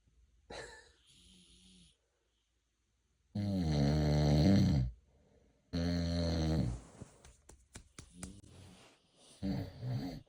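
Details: Husband asleep, loud, rough, rattling snores on breathing in every few seconds with quiet pauses between; heavy snoring.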